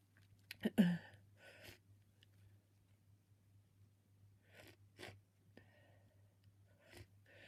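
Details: Person sneezing repeatedly: a sharp, wet, messy sneeze burst, then softer attempts to stifle the sneezes at the end, in a quiet room with a low hum.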